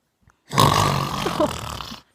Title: Dad stop snoring!